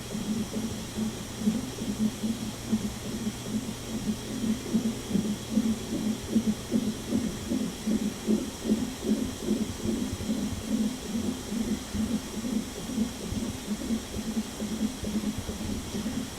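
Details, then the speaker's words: Fetal heartbeat on the monitor during labor contractions, in an IVF pregnancy with a baby boy who ended up delivered by unexpected C-section. Rapid, regular whooshing pulses at about 145 a minute. "We're having some contractions. Contraction monitor. And the baby's heartbeat."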